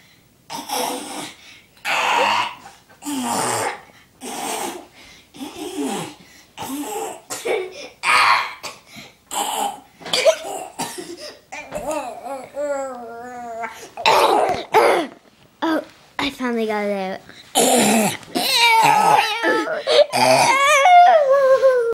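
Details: A child coughs in a long run of harsh bursts, more than twenty in about twenty seconds; coughing fit.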